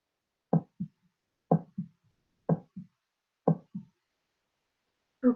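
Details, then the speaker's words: Normal heart sounds in a cardiac lecture: regular paired lub-dub at about 60 beats per minute, the first sound "lub," the second "dub." "so now that is here the normal heart sound the first sound will be loved and the second sound you're going to hear like a dab"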